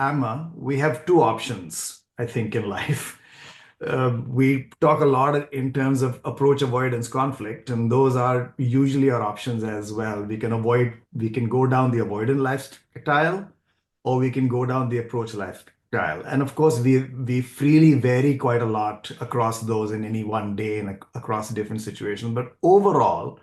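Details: Adult man speaking; fluent speech.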